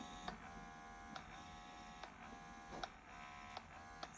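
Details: Philips Avent SCF363 portable double electric breast pump with express and massage modes, each with nine levels: quiet, steady motor hum with a soft click about every second as the suction cycles; electric breast pump motor running.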